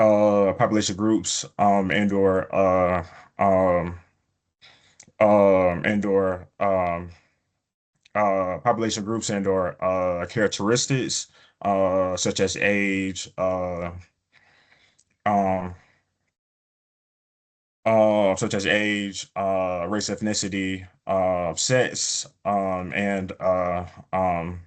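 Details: Adult man, a person who stutters, presenting a webinar; he reports prolongations of words or sounds, blocks and repetitions in his speech; stuttering.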